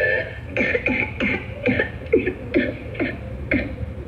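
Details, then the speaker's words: Whooping cough (pertussis) sound example: a rapid run of about eight harsh coughs with little breath between; a typical pertussis coughing paroxysm. "Ibig sabihin, uubo siya. Pag ubo niya, dahil sa kapal ng plema, parang hihigop siya na nahihirapan siya. Ganito ang tunog ng taong may whooping cough."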